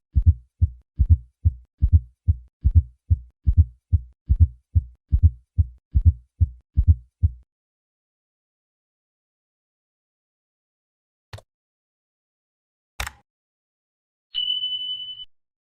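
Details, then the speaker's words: Regular low-pitched heart sounds at about 72 a minute with a soft extra late-diastolic sound just before S1, heard with the bell lightly at the cardiac apex, patient in left lateral position; indicates abnormal ventricular compliance; fourth heart sound (S4 gallop). "although a fourth heart sound is not a sign of heart failure it does indicate abnormal ventricular compliance especially when it is palpable listen once again to a fourth heart sound"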